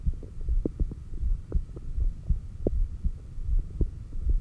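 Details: Normal heart sounds recorded by stethoscope at the apex during exhaled (stomach vacuum) and inhaled breath-holds: dull, fairly regular beats at about 80 per minute over a steady low hum; occasional stethoscope noise and stomach growls.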